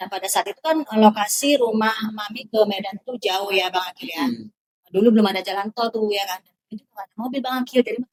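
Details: Adult woman speaking Indonesian; typical speech.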